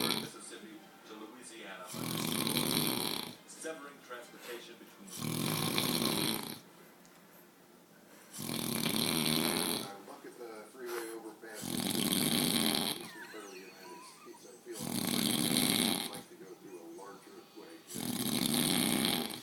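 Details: Adult man snoring: loud, harsh, rattling snores at a steady rhythm of about 19 breaths per minute, with softer exhalations between.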